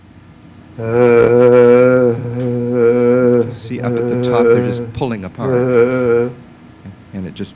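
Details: Abductor spasmodic dysphonia, classic example shown on laryngoscopy: the vocal folds suddenly pull apart and the voice drops to a whisper.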